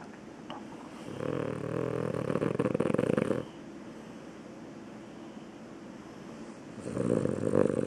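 Loud, harsh, rattling snores in long bursts with quiet pauses between breaths: snoring during sleep.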